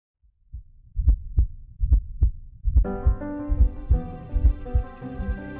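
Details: Heartbeat recorded into a phone with a Thinklabs One digital stethoscope: regular low heart thumps at about 71 beats a minute, with music coming in partway.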